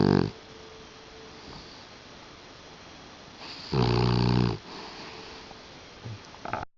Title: Lucy the Puggle snoring...